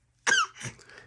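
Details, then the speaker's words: A baby's voluntary fake cough: short, voiced, with a squeaky edge, made on purpose for attention rather than from illness. "no. No. You can't be coughing just for fun."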